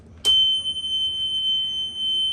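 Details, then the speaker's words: Oxygen concentrator switched on for puppy whelping, later set to 2: a steady, high-pitched electronic start-up tone begins abruptly and holds over low room noise; it beeps for a while and then stops. "That's gonna beep for a little while, then it's gonna go off."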